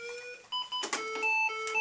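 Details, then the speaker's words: Lifepak defibrillator set to 10 joules during a synchronized cardioversion check on lead II: steady electronic tones shifting in pitch while charging via the button, then a sustained ready tone. "and now we're going to charge it up with the button on the"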